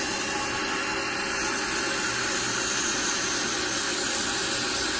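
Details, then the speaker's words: Steady high-pitched grinding as an electric burr smooths a man's thick, uneven foot calluses at lowered speed, after uncomfortable vibration; the calluses need several sessions to control. "t going to grind all of this down to make it smooth and then it's a process i have to see a few more times to really get the handle on these calluses"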